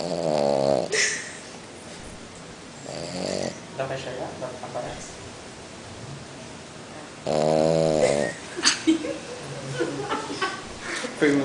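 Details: French Bulldog snoring while asleep: loud, rough snoring noises, with voices nearby.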